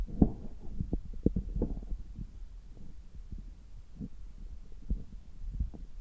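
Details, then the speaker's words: Abdomen heard through a stethoscope about three hours after a meal, gut active: irregular low gurgles and soft popping; normal bowel sounds of digestion. "今は、食後3時間後ぐらいで、ちょうどお腹がよく動いている時間だと思います。"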